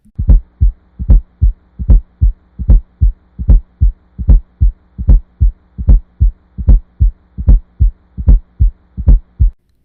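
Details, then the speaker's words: Fourth heart sound (S4 gallop), best heard with the stethoscope bell and seen in hypertension or ventricular thickening: regular heartbeat about 75 a minute with a soft extra low thump just before the first sound. "à noter que le b 4 est mieux entendu avec la cloche du stéthoscope on peut entendre le b 4 avant le béa"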